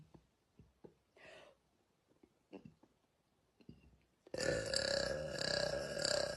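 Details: Burping: several short throaty sounds, then one long loud rumbling belch lasting about two seconds.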